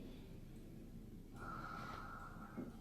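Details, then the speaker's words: Sleeping grandmother heard snoring in the background while others talk. "What is that breathing? That's grandma. It's a slee stack. You can hear her snoring."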